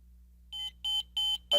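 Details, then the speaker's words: ZOLL M Series defibrillator switched on gives four quick high-pitched beeps, indicating it passed the power-on self-test. "set the selector switch to on the unit will beep four times to indicate that it has passed the power-on self-test"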